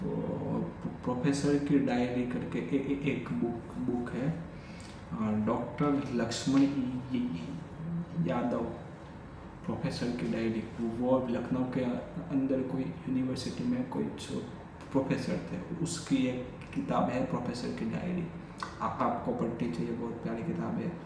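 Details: Adult male with stuttering since childhood, speaking spontaneously in Hindi during day 45 of daily stammering practice; repetitions of words and phrases; stuttering.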